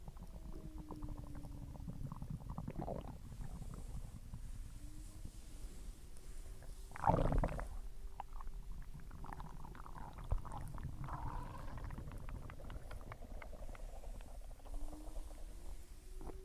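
Low, rolling gurgles and squeaky tonal rumbles of normal stomach growling after a meal.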